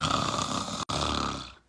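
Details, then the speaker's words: Deliberate open-mouth snoring demonstration close to the microphone: two loud, harsh, rattling snore-like breaths, shown as louder than with mouth closed, before mouth tape. "That's pretty bad. I bet you can't snore louder when you close your mouth."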